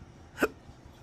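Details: Man with chronic, intractable hiccups, speaking about losing his acting and surgical tech careers: one short, abrupt hiccup over background noise.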